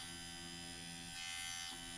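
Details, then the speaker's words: Dr. Pen electric microneedling pen at 0.5 mm depth, lowest speed, over cheek and nose tip, home use; steady high-pitched buzz with slight tone change on skin; not painful, feels like vibration, no blood. "not painful it does feel a little bit weird only because you're getting this vibration of the needles coming across your skin but no blood"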